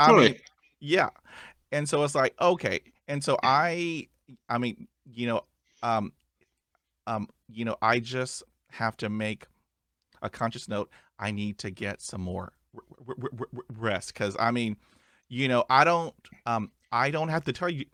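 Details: Adult male who stutters; stuttering.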